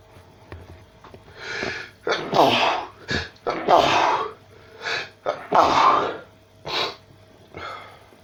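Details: Rapid series of about eight forceful sneezes, some with a voiced wail, quick inward breaths between, within about four minutes of non-stop sneezing; repeated sneezing fit.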